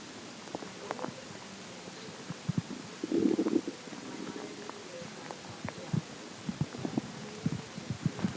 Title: more stomach growling